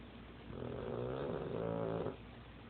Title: Snoring dog